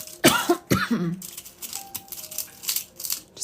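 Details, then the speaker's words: Cough from a pregnant woman who describes a persistent cough as one of her pregnancy symptoms; two short, dry coughs in a quiet room with faint background music. "I know pregnancy is wild, like why did a permanent cough have to be one of my pregnancy symptoms? Just seems so random."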